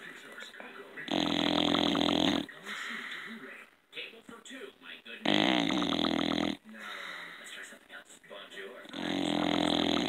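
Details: Baby snoring at 7:18 am: loud, rough, buzzing snores lasting over a second each, about every four seconds, with snuffling breaths between.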